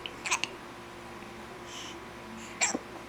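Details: A mother and her young child both have hiccups: two or three short, sharp hiccup sounds over a few seconds, with quiet room noise between them.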